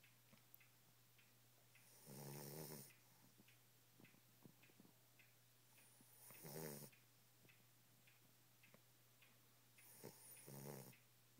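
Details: 9-week-old Boxer puppy snoring while asleep: three rattling snores, about 15 a minute, with soft clicks between them over a steady low hum.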